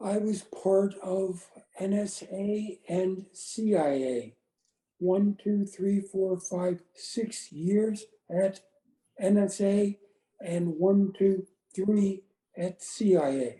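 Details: Aphasia in an adult woman after a gunshot wound to the head on January 8, 2011; words are in her brain but she can't get them out; speech short and effortful.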